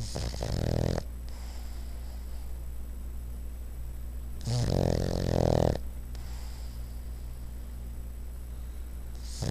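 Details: Dog snoring while asleep lying sideways: loud rattling snores with each breath, about two breath cycles, over a steady background hum.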